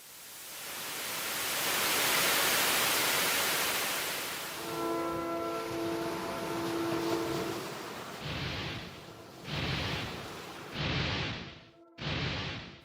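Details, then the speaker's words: Simulated tinnitus heard inside the head: a loud rushing hiss, then steady tones and rhythmic crunching bursts likened to stormtroopers marching on loose gravel, sometimes with a second high-pitched whine overlapping. "is the noise I hear inside my head to me it sounds like storm troopers marching on loose gravel sometimes I try to imagine what silence sounds like but all I can hear is this"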